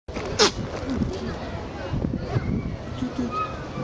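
A single sharp, explosive burst from a goat, consistent with a sneeze, followed by outdoor background noise and faint voices.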